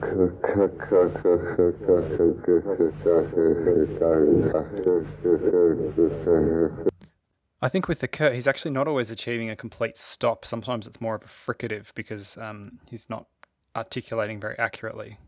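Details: Adult male narrator; typical speech.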